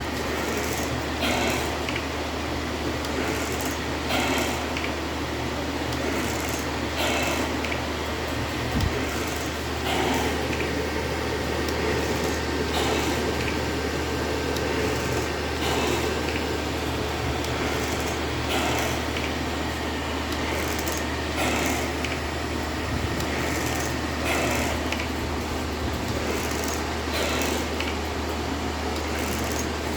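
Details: Portable non-invasive ventilator (NIPPV) running: steady machine hum and airflow hiss with soft rhythmic surges, about 21 a minute.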